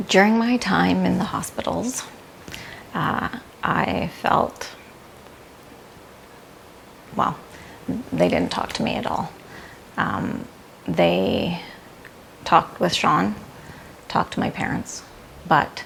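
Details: Aphasia after stroke with sudden onset, in an adult woman who is recovering.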